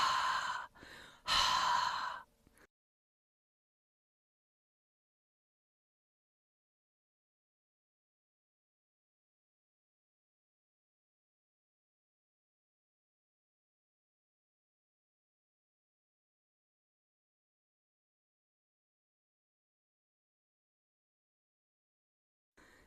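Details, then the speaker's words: Demonstrated huff cough for airway clearance: two forceful, breathy open-mouth exhalations after a slow deep breath to three-quarters full and a 2–5 second hold, exhaled forcefully but slowly as if fogging a mirror to loosen mucus. "Expirez avec force mais lentement, comme si vous souffliez sur un miroir pour l'embuer. Lorsque vous expirez, vous entendrez le son «"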